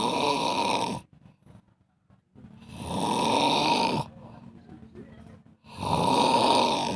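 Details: Very long bout of heavy snoring: loud rattling snores on each in-breath, about 20 a minute, with quiet breaths out between.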